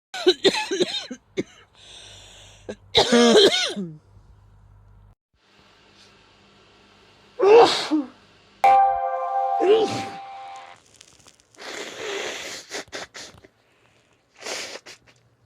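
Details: Female adult with a cold over the past few days: spliced bursts of sneezing and coughing, then blowy nose-blowing sounds.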